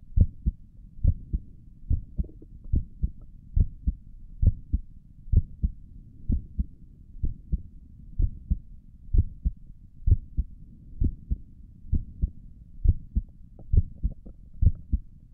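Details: ASMR recording of the creator's own heartbeat through a stethoscope on the chest; steady lub-dub at about 67 beats a minute; stomach gurgles occur during the recording; normal heart sounds.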